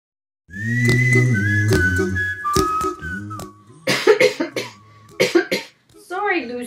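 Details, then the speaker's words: Acted, simulated cough: a sustained whistled tone, then two short bursts of pretend coughing and a brief voiced sound. "lucy and i don't feel good cover up sweetie we have a cough and we don't know what to do"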